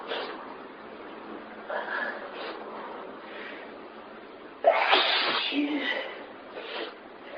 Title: Mega Sneeze Fit